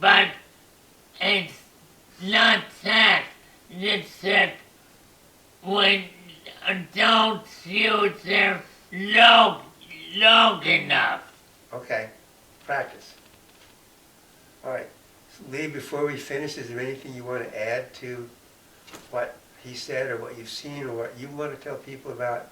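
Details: Aphasia in an adult man following a stroke 6–8 years earlier, recorded while he discusses his first tDCS treatment session.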